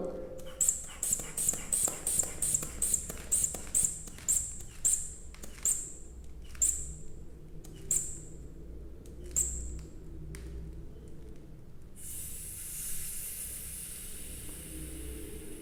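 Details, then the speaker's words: Blood pressure cuff inflated with about fifteen bulb squeezes while palpating the radial pulse until it disappears, about 100–110 mmHg, for a palpatory systolic estimate before auscultatory measurement. "Oi e aí vocês UFLA rapidamente o manguito até o ponto em que você tem a perda do pulso Então seria uma pressão de oclusão e obstrução do fluxo sanguíneo daqui para baixo né no antebraço"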